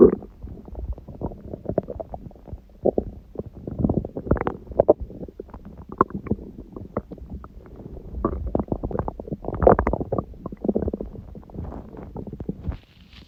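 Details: Stomach growling recorded at 1:30 am after waking, six hours after eating too much udon at 19:30, the first gluten in a while: long continuous gurgling and rumbling bursts varying in pitch and loudness; ordinary borborygmi.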